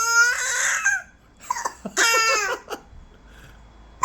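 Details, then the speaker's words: A newborn baby gives short, loud, high-pitched cries and shouts in a small room, with brief pauses between bursts; an ordinary infant cry. "엄청 커 목소리가 왜 이렇게 커"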